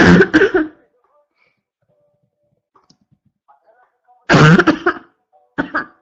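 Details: Constant barking cough: loud, harsh, deep coughing bouts with a barking quality, separated by quiet pauses.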